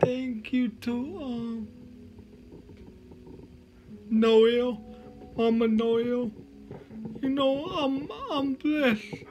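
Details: Man with cerebral palsy, which he names himself, giving a motivational talk with slurred speech: dysarthria (cerebral palsy).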